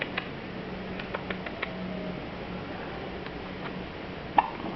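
A few brief, soft, sharp hiccup sounds at irregular intervals over steady low room hum; a child's hiccups.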